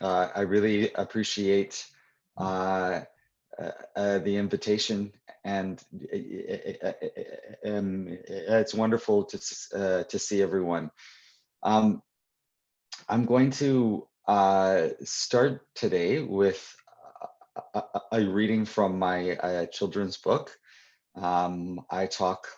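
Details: Adult who stutters, speaking live at a convention for people who stutter; real, unscripted speech; stuttering.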